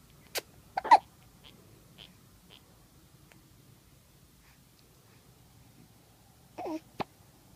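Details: 2-day-old with hiccups: a few brief, abrupt throat catches spaced apart in a quiet room, with a short voiced sound near the end.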